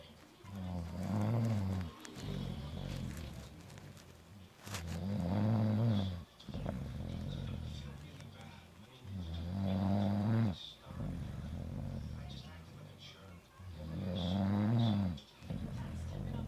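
Loud, deep, rattling snores repeat regularly at about 13 a minute, with quieter breaths out between them: heavy snoring.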